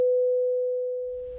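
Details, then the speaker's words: A steady, pure 500 Hz tone played as a hearing test sound, in a segment on tinnitus and hearing loss. "Entendez-vous ce son il est de 500"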